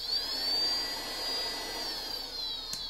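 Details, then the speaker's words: Low-cost CPAP blower converted into a rudimentary Arduino-controlled ventilator-like device, in bilevel (BiPAP) mode at 16 cycles per minute; steady high-pitched motor whine rising and falling as it alternates between two pressure levels. "and now it goes into a BiPAP where there's two different levels that the motor is oscillating back and forth between it's currently programmed at sixteen cycles per minute which is kind of an average breathing rate"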